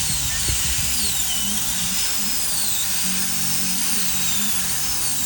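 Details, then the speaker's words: Steady high-pitched high-speed dental drill whine, pitch shifting as a large round bur drills old cement out of a crown on broken tooth #8, hollowing it before extraction and immediate implant placement. "and if anybody who's a dentist knows what it is to drill out old cement from an inside of a crown we all know what that smells like"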